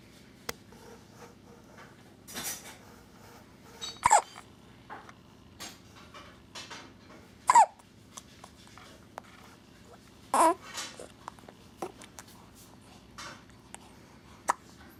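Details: 19-day-old with never-ending hiccups: sharp, brief squeaky bursts recurring about every three seconds with quieter sounds between; repeated hiccups.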